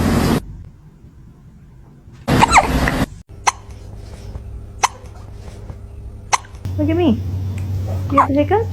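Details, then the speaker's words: Kitten hiccups: three small, evenly spaced clicking hiccups between bits of talk and music. "Sound on for kitten hiccup."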